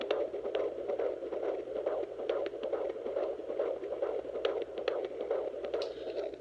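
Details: Fetal heartbeat at 20 weeks of pregnancy, recorded at home on a handheld baby Doppler by a 22-year-old mother; the baby girl is head down and moving. Rapid, rhythmic whooshing pulses at about 140 beats a minute, within the normal range.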